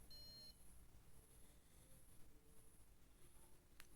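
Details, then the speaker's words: Brief electronic beep from a masseter-EMG bruxism alarm with a 230 threshold, as the wearer clenches their teeth while wearing a bruxism splint in a bed test; the device beeps and vibrates when the threshold is passed. "E se ela passar do limite que é considerada bruxismo no meu caso aqui tá 230 né o valor que o parâmetro ele ele vai apitar e vai vibrar"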